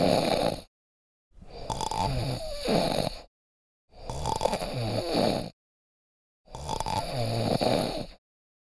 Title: Snoring - sound effect - [High quality]